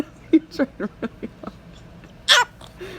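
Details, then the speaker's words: Baby boy holding back a sneeze: several short catching breaths build up, then one sharp, forceful sneeze, with faint music behind. "you tried so hard to fight that off I saw that"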